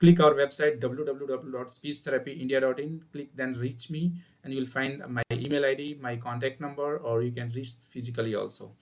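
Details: Adult male speaker; Plain speech.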